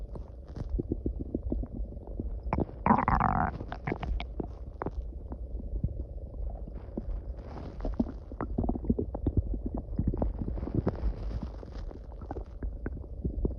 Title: Loud growling noises